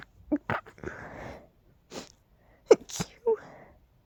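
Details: Pollen allergy sneezing in an adult with a tickly, stuffy nose: sniffs and short breathy catches, then a couple of quick, muffled sneezes.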